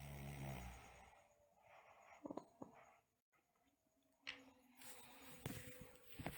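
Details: Sleeping girl with snoring and bruxism: a low rumbling snore, then quiet breathing with scattered sharp clicking sounds, possibly teeth grinding, in a small room.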